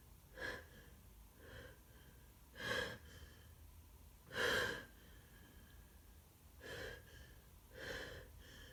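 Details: Person with a cold, sore throat and stuffy nose since the day before: six short, wet, nasal bursts with snorting breaths between; run of congested sneezes.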